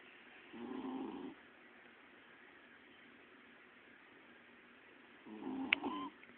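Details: Female Bichon Frise dog, owned about 6 years, asleep and snoring: two soft rattling breath sounds several seconds apart against quiet hiss.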